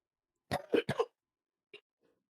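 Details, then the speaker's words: A quick run of four harsh coughs followed by one softer cough, in a quiet room, from an adult who is sick. ">> I mean that sounded like some coughing. >> I thought someone was choking. >> Oh, that's me. Sorry."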